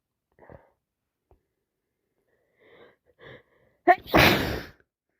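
Soft wind-up breaths and catches, then one sharp gasp and a forceful explosive sneeze; sneezing with a cold.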